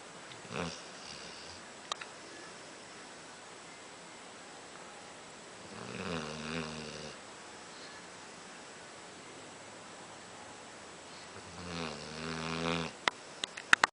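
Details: 9-month-old Pitbull asleep: slow, rhythmic buzzy snores roughly every six seconds, about ten breaths a minute, with faint clicks at the end; snoring.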